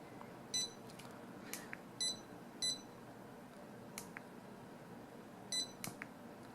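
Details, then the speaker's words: Short high electronic beeps with each pulse from a Contec CMS50D+ fingertip pulse oximeter with pulse sound enabled, among soft button clicks. "so P sound is your pulse sound so it'll actually beep with your pulse"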